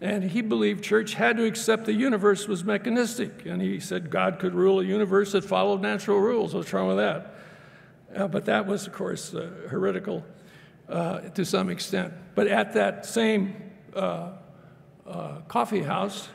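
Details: Adult male speaker, lecture; normal speech.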